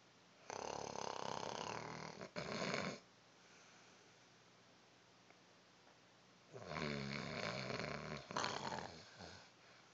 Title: Snoring.Zzzzzz!